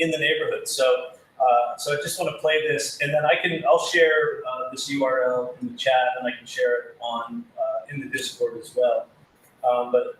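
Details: Adult male speaker; Typical speech.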